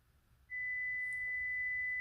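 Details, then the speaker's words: Young child's first school-required hearing test (play audiometry, placing a piece on a tower at each beep): a steady pure practice beep tone starts and holds, a normal test stimulus. "we're gonna listen for a silly sound are you ready listen there's the sound can you put it on top of the tower very good let's try again remember beep then we put it on the tower ready"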